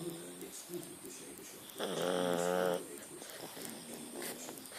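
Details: Snoring during sleep: one drawn-out, buzzing, tonal snore in a quiet room with faint background noise.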